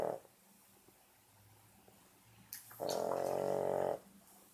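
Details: 14-week-old French bulldog puppy snoring: a quiet breath, then one loud, buzzing, nasal snore lasting about a second.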